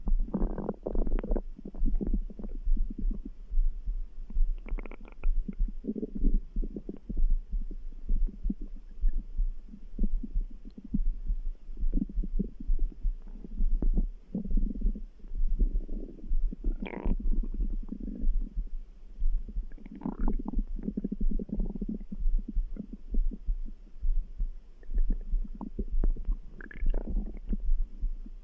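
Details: Stomach grumbling bowel sounds: gurgling rumbles over a steady low background heartbeat, ordinary digestive sounds.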